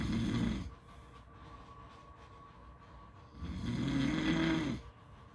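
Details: Snoring sounds recorded at a beach; snoring.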